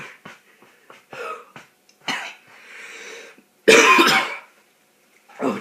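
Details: Coughing fit after the cinnamon challenge: several harsh coughs and throat clearing, ending in one loud, forceful cough burst after inhaling cinnamon powder.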